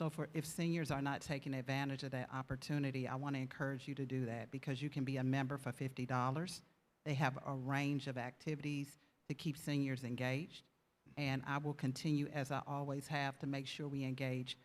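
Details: Adult speaker; normal voice.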